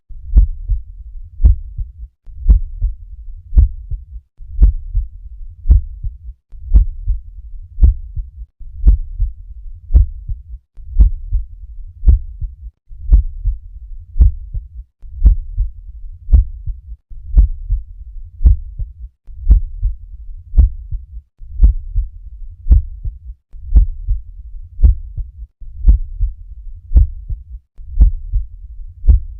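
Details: Normal heart sounds auscultated at the apex.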